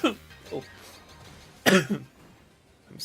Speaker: yeah I apologize for the sound of me coughing I I had I had rough illness like several weeks ago now